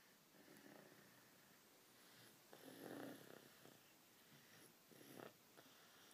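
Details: Max snoring during a daytime nap: soft rhythmic rumbling breaths over room noise, a low snore with each breath; snoring.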